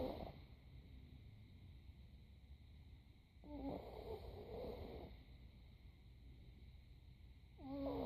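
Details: Soft, rough snoring breaths spaced several seconds apart over steady room noise; snoring during sleep.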